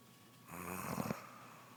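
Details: A single rough, buzzing snore on an in-breath, with quiet room noise around it, from a pregnant woman whose snoring began soon after becoming pregnant; snoring.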